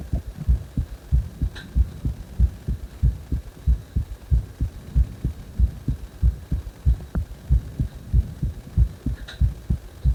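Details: Heart sounds with prominent breath sounds: steady, regular low thumping heartbeats at about 94 a minute with breathing noise clearly heard underneath.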